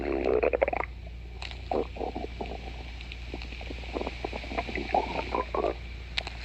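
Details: Person's stomach growling (borborygmi): bubbling, gurgling rumbles in irregular bursts over a steady room hum.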